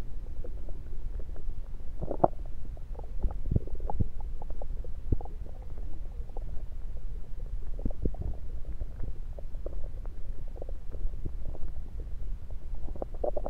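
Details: Stethoscope placed at different spots around the belly: irregular gurgles and soft clicks over a low rumble; normal active bowel sounds.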